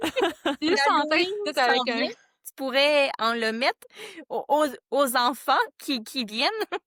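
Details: Stuttering in a board member of a stuttering association, with part-word and word repetitions.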